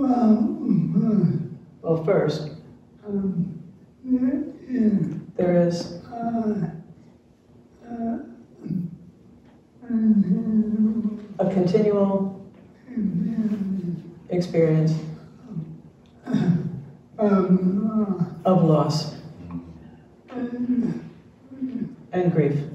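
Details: Retired male pediatrician with ALS diagnosed in late 2021; speech changed over the past two years; jaw trembling is neurologic clonus; his wife interprets his speech; dysarthria due to ALS.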